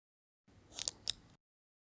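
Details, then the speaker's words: Surecan Safety II venous port needle being withdrawn, wings pulled up while the base plate is pressed against the skin: two faint sharp clicks as the safety mechanism locks, shown by a green marker, preventing needlestick injury. "merkki kertoo että turvamekanismi on kytkeytynyt päälle näin voidaan välttää pistotapaturmat"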